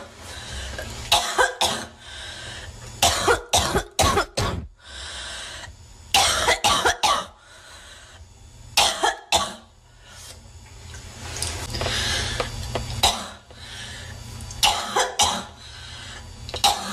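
Repeated clusters of sharp coughs, two to four at a time, with short pauses and breaths between them; a persistent cough.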